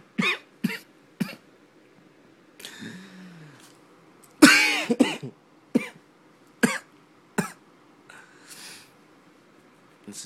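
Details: Sick adult who has taken NyQuil coughs repeatedly in short, harsh bursts, about nine coughs with brief sounds between them, in a quiet room.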